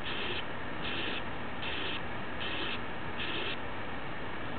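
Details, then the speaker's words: Simulated severe aortic stenosis on an auscultation manikin, heard at the mitral area: harsh systolic murmur, about 75 a minute, of aortic origin radiating to the mitral area; slow-rising pulse. "though this murmur is of aortic origin severe aortic stenosis will migrate to the mitral area"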